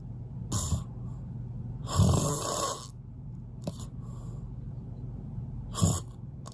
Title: Even the loudest snoring couldn't stop me from sleeping well😂🤪 #snoring